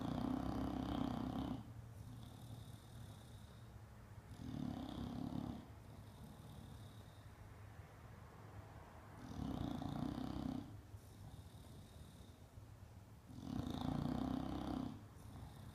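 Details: Bulldog asleep and tired after being groomed: steady low rumbling snores with a whistling edge, about four breaths in sixteen seconds; snoring.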